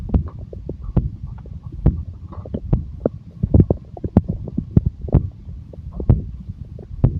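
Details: Low, bubbling gurgles and pops recurring irregularly from gas and fluid moving through the gut; stomach growling (borborygmi).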